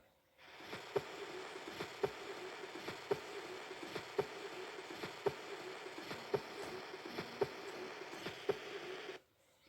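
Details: Aortic stenosis heard at the second right intercostal space: regular heart sounds near 56/min with a harsh ejection systolic murmur.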